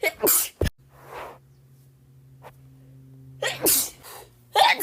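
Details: Acted bout of allergic rhinitis: repeated sharp sneezes, each after a quick breath in, performed for comedy.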